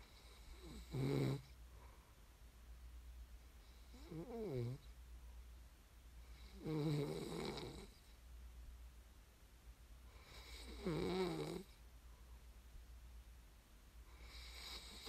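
Four rattling snores about every four seconds, roughly 15 a minute, over a quiet room hum: snoring.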